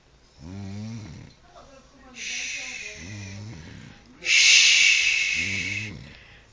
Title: My Mom Snoring